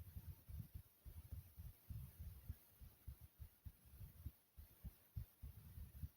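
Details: A person's own normal heartbeat, described as smooth and soothing.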